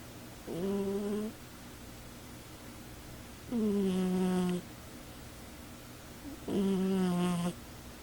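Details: Cat sleeping on a chair, snoring loudly.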